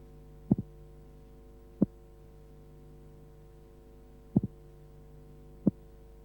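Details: Simulated, slowed-down heart sounds from a 1976 auscultation training film on transposition of the great arteries, respiration disregarded: a doubled first sound, then a single unsplit second sound.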